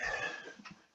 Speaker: sorry i don't know if you can hear that that's my cat off coughing up a hairball